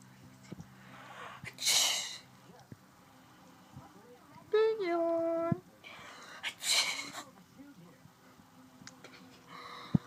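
Two short, sharp hissing sneezes from a small dog, with a brief high whine between them; ordinary sneezing.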